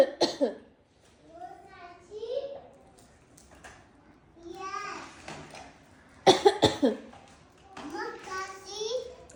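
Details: Adult coughing, a short burst then a harder pair, with a toddler's sing-song babbling in between as the toddler reacts; cough.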